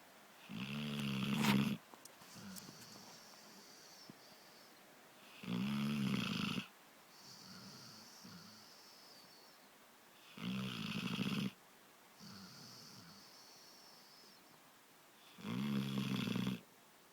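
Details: Regular, loud, rattling snores with quiet breaths between, about 12 breaths a minute; steady ordinary snoring.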